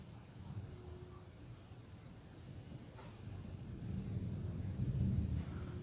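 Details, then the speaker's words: Normal bowel sounds heard with the stethoscope diaphragm placed on the abdomen during a physical-exam demonstration: low, soft, rhythmic rumbling and gurgling, clearly audible, with no abnormal sounds. "se escuchan ruidos peristálticos son rítmicos se escuchan bastante bien"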